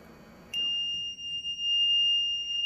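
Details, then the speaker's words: LTV 1200 transport ventilator switched to standby after the patient is disconnected: a sudden, continuous, high-pitched alarm tone that keeps sounding until silence is pressed. "You have to hit silence on that one, otherwise it'll course. keep beeping."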